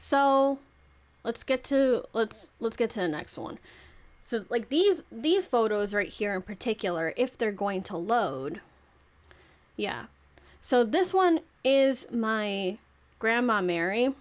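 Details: Adult woman, 26, who says she clearly has stuttering issues that make it hard to talk properly; repetitions of words and phrases; stuttering.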